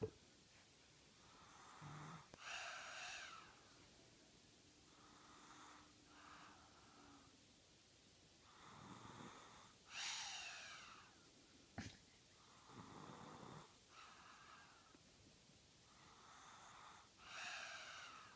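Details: Snoring: soft, irregular snoring and snorting noises with each breath, about eight a minute, in a quiet room.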